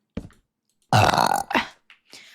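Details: Female streamer burping: a loud, rough, low belch of about half a second, with softer sounds before and after it.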